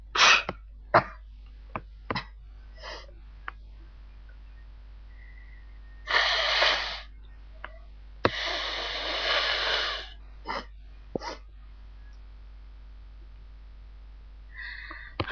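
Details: A person with pollen, dog and cat allergies gives several sharp sneezes and short sniffs, then two long, forceful nose blows in a quiet room; sneezing.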